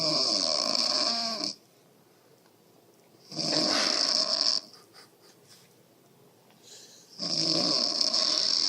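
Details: Loud, harsh rattling snores about two seconds long with quiet pauses, from a sleeping mother; app-measured at 61 dB.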